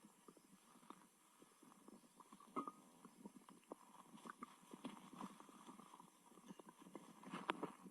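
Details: Stomach growling after eating a lot, with stomach pain, during belly massage to aid digestion: soft, frequent gurgles and squelches over several seconds; active bowel sounds (borborygmi).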